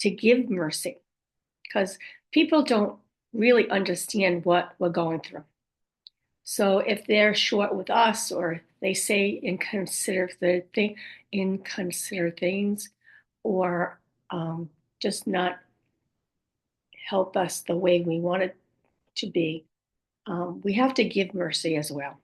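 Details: Aphasia with apraxia of speech in a woman after a stroke at age 58; she reports her speech is sometimes hard to understand, with repeated words and sometimes wrong words.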